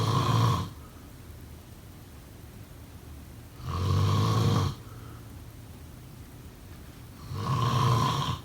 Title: Snoring sound …